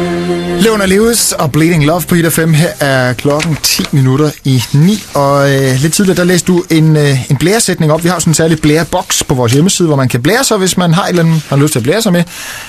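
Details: Adult male radio host; Normal fluent speech.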